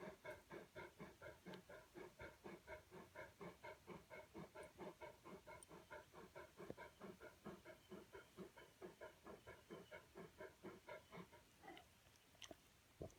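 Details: Rapid, regular, noisy breaths at roughly 120 to 130 a minute from a dog (Marley) breathing heavily.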